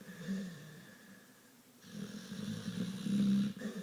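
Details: Sleeping pit bull dog snoring heavily: low, fluttering, rattly breathing sounds on each breath.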